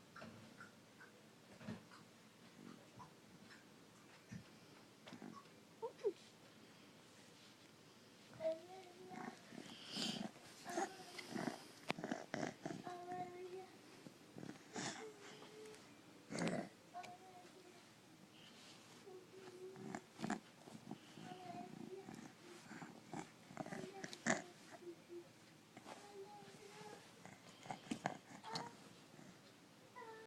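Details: Pet named Malakai wheezing: noisy, snorting breaths with whistling, wheezy tones.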